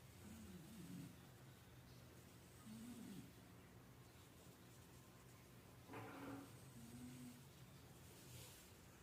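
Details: Chow Chow dog snoring lightly early in the morning: soft, low rumbling breaths with faint squeaky whistles on a few of them over steady room noise.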